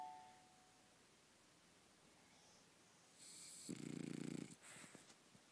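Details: Tait, a French Bulldog trying to nap, gives a short, buzzing, rattling snore and some snuffling breaths in a quiet room; snoring.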